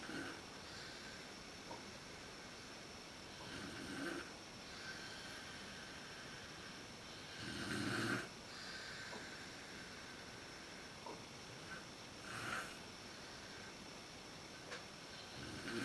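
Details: Mother snoring in sleep, worst just after falling asleep, recorded in the dark on a Canon PowerShot SX130 IS camera: soft, rough breathing sounds recurring every few seconds over steady room hiss.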